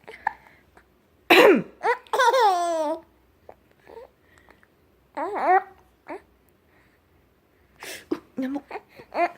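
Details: Adult mother coughing while her 3-month-old infant (7 kg) laughs: a few short adult coughs alternating with bright infant squealing laughter in a quiet room.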